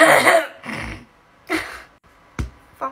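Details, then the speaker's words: Person with Tourette's who has painful hiccups and a sore throat makes vocal tics mixed with hiccups, while saying it is much like having tics. "guys guys i have hiccups it's not much different [ __ ] off from having tics and it's the kind that hurt"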